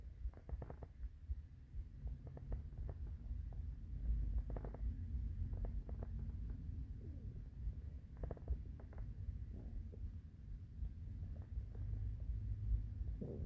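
Low rumbling and gurgling with scattered soft pops and bubbling over a steady low hum; hunger stomach growling, a normal bowel sound.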